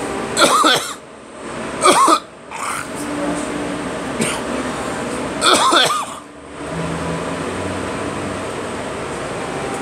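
Several harsh, dry coughs, some in quick pairs, with a steady hum of room noise; a plain cough.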